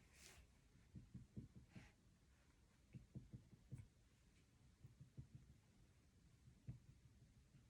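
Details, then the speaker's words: Abdominal percussion during an abdominal assessment of a woman, after auscultation found no bruits: groups of soft, low, hollow taps giving normal tympany over gas-filled bowel. "so the second thing i'm going or the third thing i'm going to do is percuss so i'm listening for"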